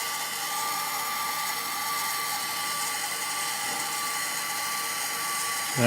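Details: Steady high-pitched whine of a rotational atherectomy catheter running continuously over room noise during a live endovascular case.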